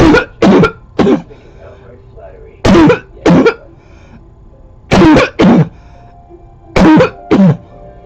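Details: Barking cough recorded close up in 2014: nine harsh, loud, hoarse cough bursts in four quick bouts, with faint background music.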